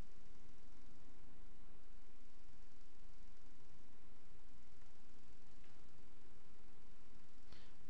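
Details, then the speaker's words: Patent ductus arteriosus: continuous machinery murmur, a low unbroken rumble through systole and diastole from flow between the aorta and pulmonary artery, taught as a teaching example of cardiac auscultation. "Entonces el típico soplo del ductus arterioso persistente típico soplo y el soplo de la fístula artenos no Oye el soplo en ruido de maquinaria"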